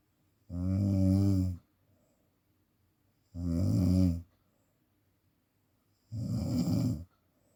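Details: Heavy snoring presented as sleep apnea: loud, regular rattling snores on the in-breath, about three in seven seconds, with quiet gaps between.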